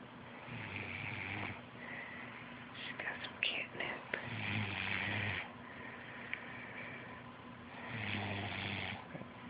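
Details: Sleeping adult snoring, filmed by a companion who jokes the sleeper is a 'mommy bear': rough, rattling snores on each breath, with quiet whispering and room noise in the background.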